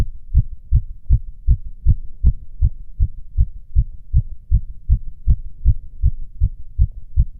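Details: Self-auscultation with tactile exam, standing (orthostatic) and sitting: fast heart rate with nothing abnormal heard: tachycardia with normal heart sounds.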